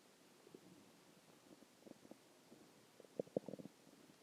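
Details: Soft, irregular gurgling and bubbling rumbles in a quiet room; stomach growling, ordinary bowel sounds (borborygmi).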